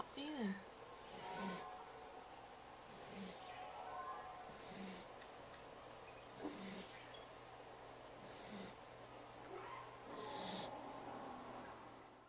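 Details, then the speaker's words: Awake Jack Russell terrier, eyes open and relaxed, that does this all the time and won't stop (owner wonders if it is asthma): repeated short nasal snorts about every 1.5 seconds, roughly 35 a minute; snorting. "is he snoring with his eyes open this is this normal he is just chilling he's like snoring like a breathing condition is that like asthma for dogs"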